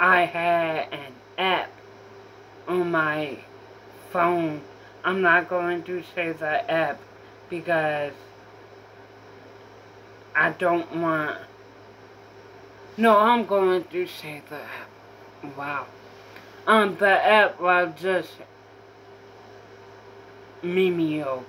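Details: Female speaker diagnosed with apraxia in childhood; apraxia of speech.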